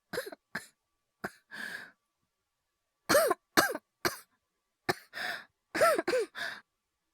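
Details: Acted coughing by a male voice actor: about a dozen short, voiced coughs in small clusters with brief silent gaps, some followed by breathy exhalations; simulated cough.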